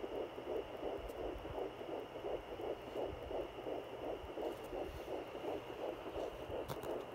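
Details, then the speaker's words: Fetal heartbeat at 10 weeks 4 days of pregnancy, heard on a home fetal Doppler just below the belly button, with the baby moving: rapid, regular whooshing pulses, about 165 per minute, sounding healthy. "Okay, as you can see, he's right below my belly button. Sounding very healthy."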